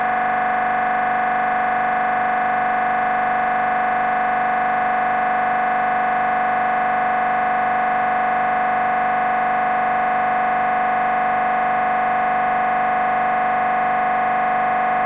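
Loud, steady mechanical buzzing tone with rapid regular pulsing, typical of an MRI scanner running a scan sequence.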